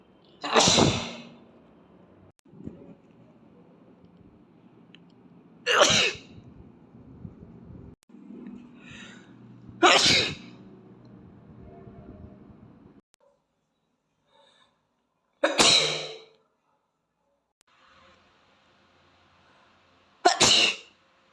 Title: Asian allergies boy sneeze 🤧